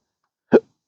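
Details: Adult with a rare, chronic, disabling hiccup and burp condition since December 2015, after surgery that left multiple nerve damage. A single short, abrupt voiced hiccup with a sharp onset.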